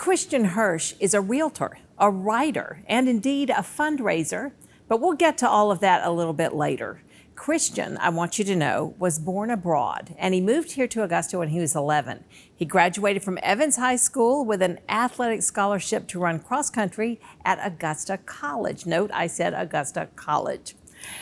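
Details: Adult woman speaking; Typical speech.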